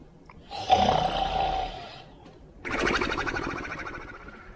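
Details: Simulated snoring from a cartoon soundtrack (Dogtanian sleeping): two drawn-out, rattling breath sounds, one in and one out, imitating snoring.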